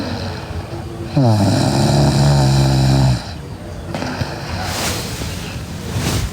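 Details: Sleeping girl with one loud, rattling, buzzing breath in lasting about two seconds, then quieter breathing noise: loud snoring.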